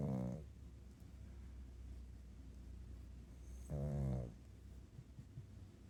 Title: Night night from Gizmo the pug. Snores and scratches 💕